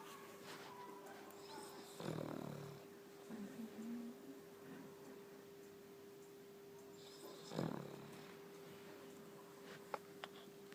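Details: Snoring: two loud, rattly snoring breaths with a snort, over a steady background hum.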